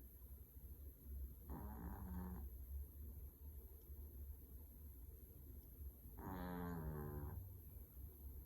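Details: Snoring puppy: two rattling, buzzy snores while asleep, about five seconds apart, over low hum; ordinary sleep snoring.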